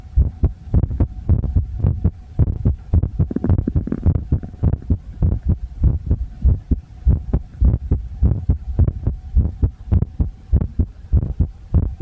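Steady low thumping heartbeat at roughly 100 beats a minute, with a faint steady hum behind it.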